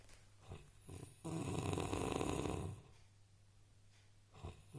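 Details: Man heavily snoring: loud, harsh, rattling snore on a long breath, with quieter breaths before and after over a steady hum.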